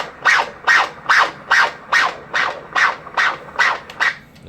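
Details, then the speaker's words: Fetal heartbeat on Doppler ultrasound of Baby A, the lower twin, not head down, in a twin pregnancy: rapid, regular whooshing pulses at about 143/min, a normal fetal heart rate. "the machine it's the baby's heart rate don't actually sound like a squeak"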